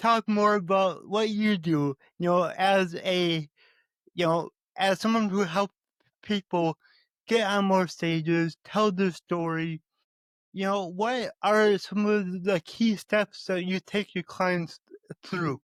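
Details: Stuttering in an adult male podcast host with cerebral palsy and a lifelong speech impediment, who still stutters though less than before.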